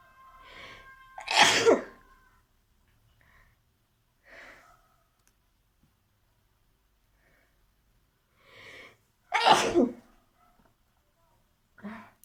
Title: Sneezing challenge and nose blowing 🤧part - 3 Request video